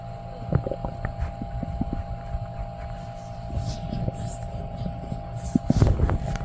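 Irregular low gurgles and sloshing pops over a steady background hum, consistent with active bowel sounds (borborygmi).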